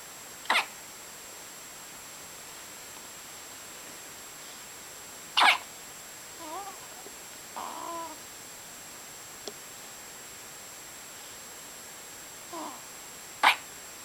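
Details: Infant hiccups recorded 08.09.2011: sharp, brief hiccups about every four to five seconds, with soft cooing sounds between them.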